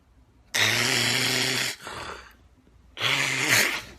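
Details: A sleeper: two loud, rough, rattling in-breaths about two seconds apart with a strong hoarse buzz; snoring.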